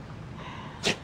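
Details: Cavapoo puppy in a sneezing fit: a single sharp, airy sneeze near the end of a quiet second; sneezing.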